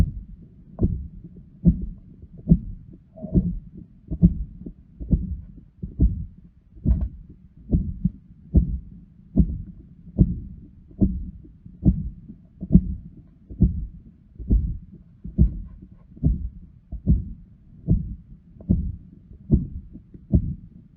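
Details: Heart auscultation with the patient breathing in very quietly: regular heartbeat at about 71 a minute with a whooshing pathological murmur filling the gaps between beats; visible neck pulsation noted.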